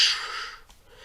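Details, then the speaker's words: Vocal imitation of the aortic stenosis murmur with a large left ventricle–aorta gradient (about 150 vs 80 mmHg): a loud, harsh hiss fading over a second. "it's like 70 the gradient between the two so the sound will be like"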